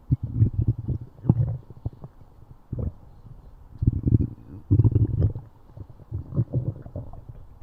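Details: Stomach growling in a horse: low, irregular gurgling rumbles in several bursts with quieter gaps between, typical of active gut sounds (borborygmi).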